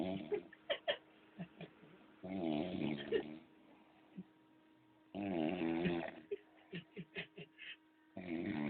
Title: roncando